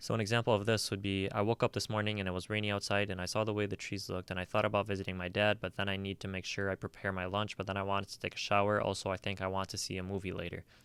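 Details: Pressured speech, example read by a narrator, not a patient: intense, rapid, continuous speech without pausing to breathe, a speech pattern seen in schizophrenia.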